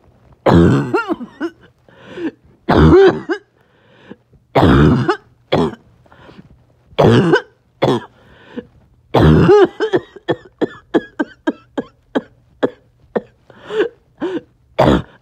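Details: Barking cough, present on and off all day: repeated harsh, hoarse coughs in bursts, some with a loud honking quality.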